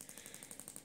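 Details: Shockmaster 300 Gymna radial shockwave, 20 mm head, 1.6 bar, 12 Hz, gel, moved systematically up and down the thigh for grade 2 cellulite: rapid, regular clicking pulses, about twelve a second, as the device fires.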